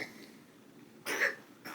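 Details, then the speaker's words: A single short, harsh cough burst from a young boy who has had a cough for about the last two weeks, with the start of a second cough at the end. "You okay, bud? He's been having a cough for like the last two weeks now. That sounds like worse than it actually is."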